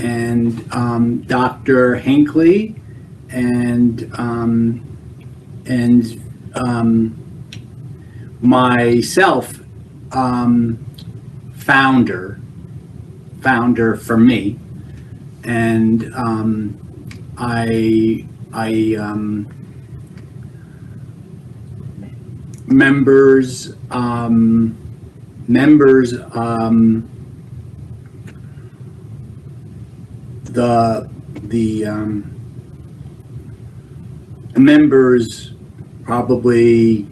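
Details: Man who had a stroke seven years ago, with Broca's aphasia; understanding and intellect preserved; Broca's aphasia (non-fluent aphasia).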